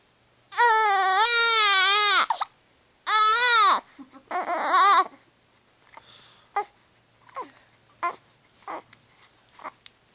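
Two loud, high-pitched wailing cries from an infant, then softer whimpers and short sounds; an ordinary infant cry.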